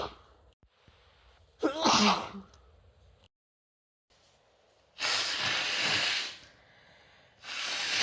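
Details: Person with a cold: a sharp, voiced sneeze burst, then long noisy nasal blowing; sneezing and nose-blowing during a cold.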